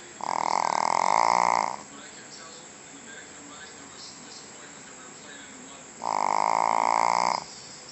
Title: Jack The Snoring Shih Tzu P.R.